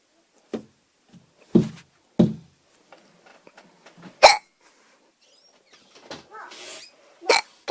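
Repeated sudden, short, sharp gulping sounds from a child, each an abrupt catch of breath. Hiccups.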